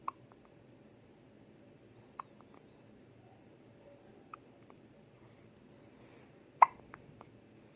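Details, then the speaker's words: Brief, sharp clicking hiccups at irregular intervals, about five in eight seconds, in a quiet room, from a baby boy in hospital; infant hiccups. "cutest little hiccups, buddy. Finley, did you get the hiccups? Oh my."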